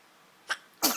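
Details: 2-month-old baby boy: small breathy intake then sharp, high-pitched explosive puff, a brief light infant sneeze.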